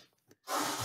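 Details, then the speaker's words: A brief, forceful, noisy breath drawn through the nose with the mouth closed, a deliberate demonstration imitating a nasal snore. "and then i say try and snore through your nose and it goes like this"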